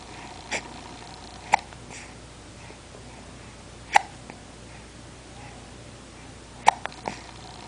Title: Hiccups.mp4